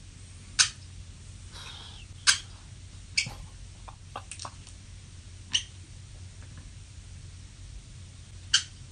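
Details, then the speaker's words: Overnight recording of the speaker's own sleep: sharp, irregular clicks and clunks of teeth gnashing and grinding, with the bed creaking at one point; sleep bruxism. "gnarly doesn't that sound absolutely insane like you're hearing like gnashing of teeth like clunking and you're hearing this this grinding"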